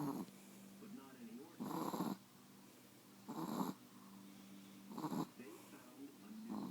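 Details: Sleepy brindle Chihuahua Wutsi snoring: rhythmic snores with a whistly, wheezy edge at about 37 breaths a minute, each a rough snort between quieter breaths.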